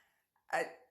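A faint drawn-in breath, then a single sharp, explosive burst of air that fades quickly: one sneeze.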